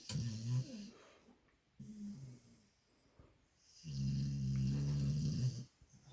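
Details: Pitbull dog asleep, snoring: rough, rumbling, steady low-pitched snores on the in-breaths with snorting out-breaths.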